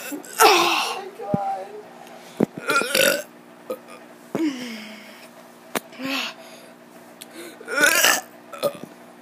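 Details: Burping by a kid: several loud, croaky belches a few seconds apart, with short sounds between them and a faint background hum.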